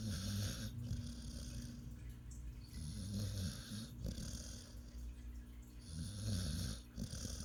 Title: my snoring dog